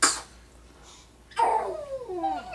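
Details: Infant: a brief, sharp sneeze, then a small fussy sound trailing down in pitch; infant sneezing.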